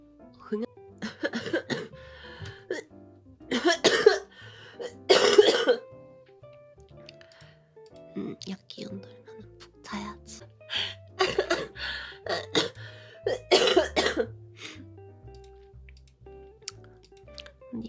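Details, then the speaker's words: Young person with a throat cold, one of three colds since military enlistment, coughing with every word though better than at the weekend: bouts of harsh coughing and throat clearing over background music and talk. "들리십니까 여러분? 진짜 오랜만에 폰는데 한마디 할 때마다 기침이 너무 나서 금요일부터 주말보다는 많이 나아졌어요."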